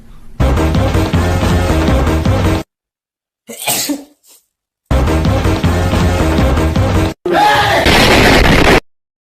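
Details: One brief, explosive sneeze between stretches of loud background music.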